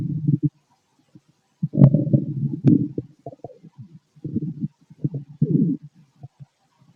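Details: Male stomach noises while digesting food: irregular gurgling and bubbling rumbles in short bursts with quiet gaps, normal bowel sounds (borborygmi).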